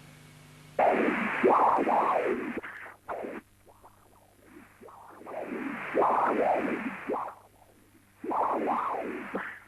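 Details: Hepatic vein Doppler showing systolic flow reversal from severe tricuspid regurgitation, in a patient with congenital severe tricuspid stenosis (valve area 0.9 cm², thickened immobile leaflets, markedly enlarged right atrium).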